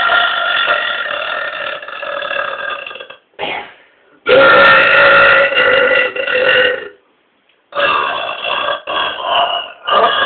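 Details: Two people burping deliberately: long, loud, drawn-out voiced belches in several bursts with brief pauses between; repeated burping.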